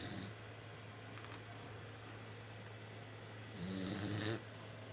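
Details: Snuffly, rattling wet nasal snoring from a 3-month-old boxer puppy with nasal congestion while sleeping.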